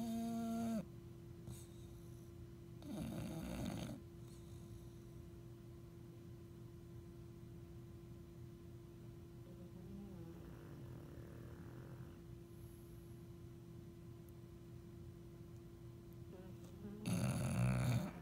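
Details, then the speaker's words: A sleeping bulldog, with a pug also present, makes the noise they make in bed: snorting, rattling snores at the start and end with steady room hum between. Noisy snoring in a flat-faced dog. "And this is, and when they sleep in our bed, this is the noise they make too."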